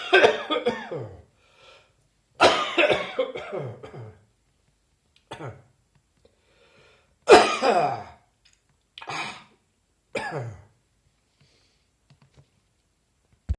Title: Harsh Dry Coughing Fit